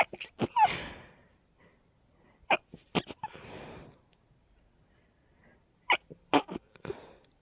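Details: Rapid sneezing fit in a girl, who attributes it to pollen: a fast run of short, sharp sneezes in quick bursts with brief pauses between them.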